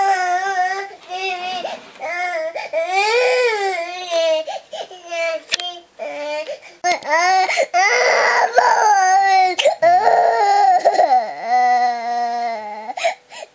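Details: A 2-year-4-month-old girl cries and wails in repeated bursts with sobbing breaths, in a small room, on a day of frequent crying after waking early; cause unknown, parents guess teething, a nightmare or cold.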